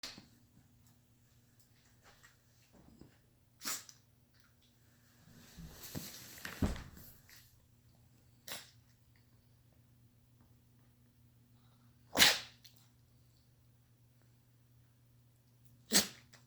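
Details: A female dog sneezes several short, sharp nasal bursts spaced apart, with a snuffly rush between, over a steady low hum.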